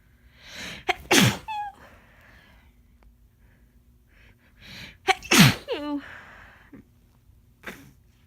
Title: Wet, Desperate Cold Sneezes